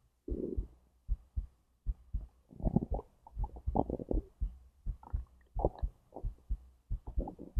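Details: Own recording of heartbeat and digestion from stomach to intestines: low gurgles and rumbles over soft regular heartbeat thumps; normal bowel sounds.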